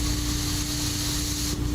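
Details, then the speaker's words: Steady mechanical whoosh with constant low hum and rushing air from a ventilator breathing for a former athlete with ALS, ventilator-dependent for nearly 7 years. "this is the sound of survival. A machine keeping him alive by doing something as simple as breathing."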